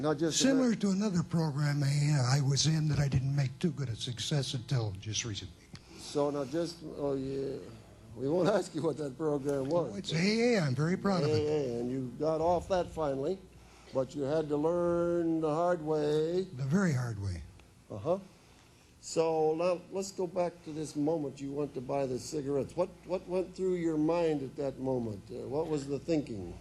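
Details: Woman whose larynx was removed, followed by radiation then chemotherapy, speaking with a battery electrolarynx held against her throat: electrolarynx speech.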